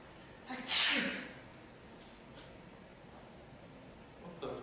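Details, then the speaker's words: A single sharp, hissing sneeze burst, then quiet room sound; sneeze. "One sneeze, endless chaos."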